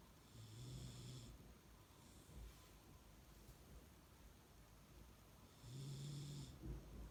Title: Dog snoring